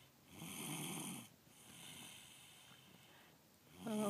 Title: After school snoring